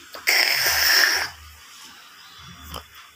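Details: A child imitates his father's snoring with a harsh, raspy, snort-like breath about one second long, followed by low humming; imitated snoring.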